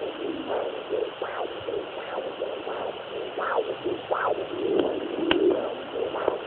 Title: Fetal doppler sounds